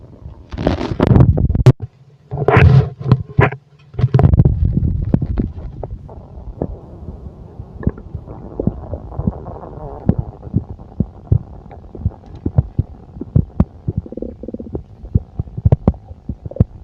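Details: Loud gurgling rumbles at first, then softer scattered clicks and gurgles: ordinary bowel sounds of a full stomach.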